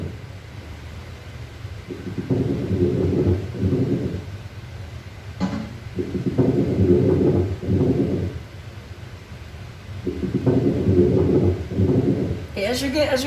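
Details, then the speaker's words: Demonstration of abnormal breath sounds in chest and thorax assessment: crackles heard through a stethoscope, a rough popping crackle running through each breath. "now let's try to look for other abnormal breath sounds like abnormal breath sounds this is crackles"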